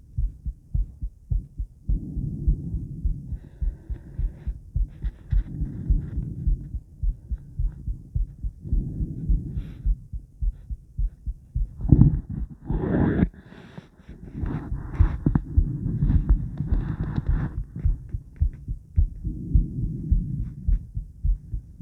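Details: Female heart sounds around 50 squats, recorded by the woman herself with blood pressure and recovery: steady low thumping at about 105 beats a minute with a faint hum underneath; ordinary heart sounds.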